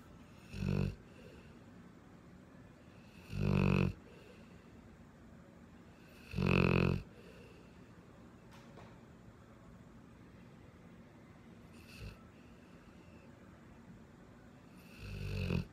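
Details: Tiny, a dog, snoring: loud, low, rumbling snores about every three seconds, with a long quiet pause before they return, in a small room.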